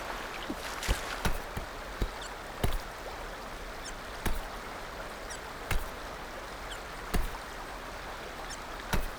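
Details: Infant hiccups: brief, sharp catches repeating irregularly about 40 times a minute over a steady background hiss.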